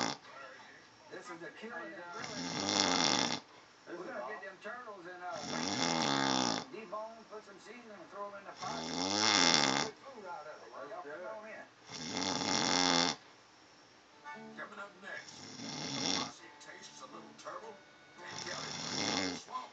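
Loud, rattling snores on each breath, roughly nineteen a minute, with quieter breathing between; plain snoring.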